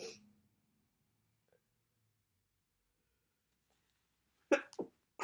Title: Congestion, sniffling, sneezing bad cold.